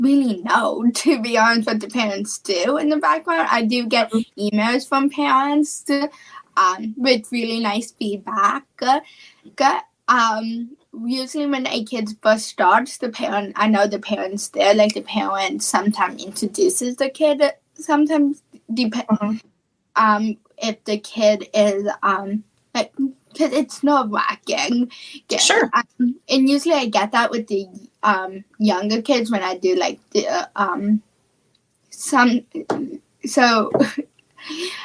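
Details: Childhood apraxia of speech, a neurological speech disorder, in a female high school senior who has had speech therapy since about age four and was once only 10% intelligible.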